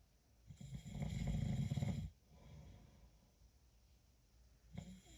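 One long, deep, rattling snore on a breath lasting over a second, then quieter breathing: snoring.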